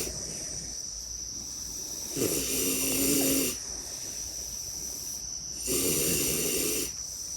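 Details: Sleeping pigs waiting to be unloaded: two drawn-out, buzzing, nasal snores over about 7 seconds against a steady high-pitched hiss; pig snoring.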